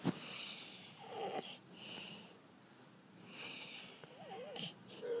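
Rhythmic, whistling, snorting breaths while asleep, about three breath cycles in five seconds: snoring.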